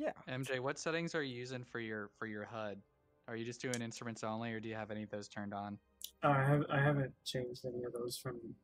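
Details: Adult man speaking; typical speech.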